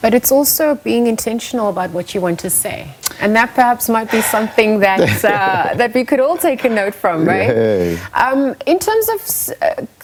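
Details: Adult women in conversation; ordinary fluent speech.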